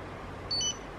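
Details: A short high electronic beep from an Arkray Glucocard S glucose meter as fingertip blood, drawn with lancet depth 3, reaches the strip, starting measurement; the reading was 121.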